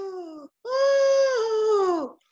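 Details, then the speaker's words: A voiced imitation of stridor, an emergency crowing sound on inspiration and expiration from airway obstruction: two high-pitched crowing tones, a short one then a longer one. "you may hear something called strider strider is a crowing sound that is with inspiration and expiration"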